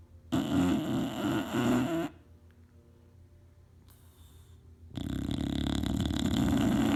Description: This is Hunter my 2year old English Bulldog having a nap snoring up a storm on his favourite leather chair.